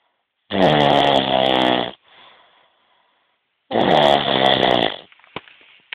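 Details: Two loud, rough, rattling inspiratory snores, each about 1.5 seconds, with quiet exhalations between them; snoring.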